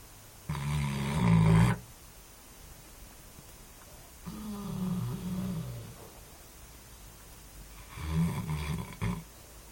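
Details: Snoring from Szimba: three loud, rough, low-pitched snores in about ten seconds, each on an inward breath, with quiet pauses between.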